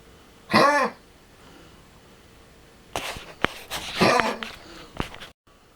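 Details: A 13-year-old Lhasa Apso with tracheal collapse and an enlarged heart, coughing constantly for 6 months: a loud honking cough, then a cluster of harsh, goose-like coughs.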